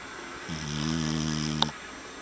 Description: The family dog tango snores really loud. No, really, REALLY loud.